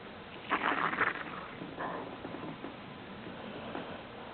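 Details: Sleeping Golden Retriever, about 12 years old: irregular loud gurgling, rumbling and squeaky stomach and intestinal noises (borborygmi), which the owner thinks is likely indigestion.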